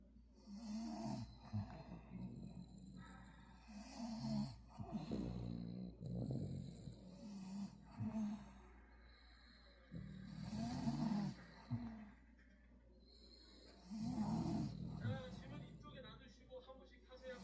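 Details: Sleeping dog snoring in low rattling, irregular bursts with quiet gaps; hashtags mention snoring and apnea, suggesting possible pauses in breathing.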